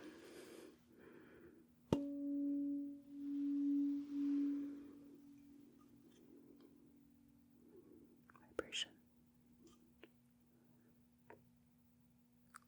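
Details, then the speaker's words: Simulated ASMR role-play sensory exam testing vibration and cold sensation: a struck tuning fork rings with a steady pure tone for about three seconds, with soft whispering and light taps. "So to do that I am going to use a tuning fork. And the first thing you will be able to feel [Music] is the vibration."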